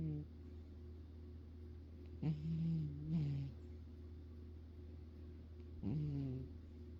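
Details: Low, buzzy, rumbling snores from a sleeping cat recorded close up in the owner's ear, over a steady background hum; ordinary cat snoring.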